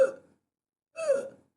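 Two short, harsh, crowing breath sounds, an adult's imitation of stridor in a child.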